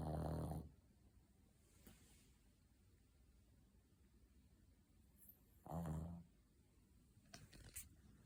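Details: Sleeping dog snoring: two loud, low rumbling snores about five seconds apart with quiet breathing and faint clicks between.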